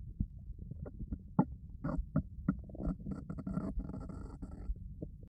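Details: Stomach growling (borborygmi) recorded with a 3Dio binaural microphone.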